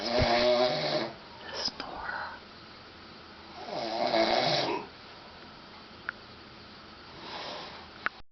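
Rough, rattling snores on inhalation, about three in eight seconds, with quiet pauses between them; ordinary snoring.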